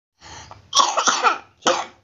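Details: Child and father both coughing: a soft breathy onset, then a cluster of harsh cough bursts and one more cough shortly after.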